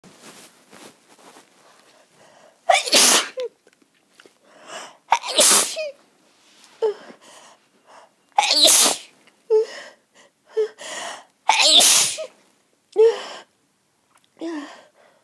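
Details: Sneezing with a cold: a run of about five sharp, explosive sneezes with softer breaths and catches between them.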